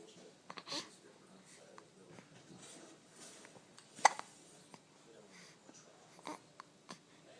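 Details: Baby with soft, sharp hiccups scattered among quiet baby sounds in a small room, one much louder than the rest; hiccups.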